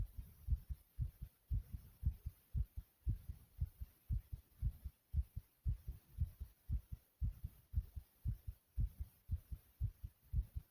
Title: Pounding Heartbeat Sound ❤❤